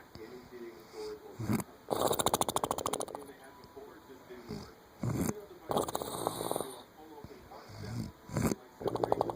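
Loud, rattling, fluttering snores on repeated breaths, with quieter breathing sounds between them.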